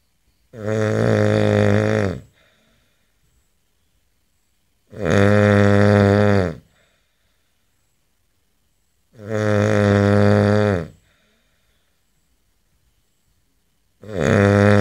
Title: ACTUAL SOUND OF A MAN SNORING